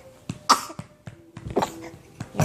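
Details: Several short, sharp coughs with a brief throat-clearing while eating breakfast, with food coughed out onto the couch. Coughing.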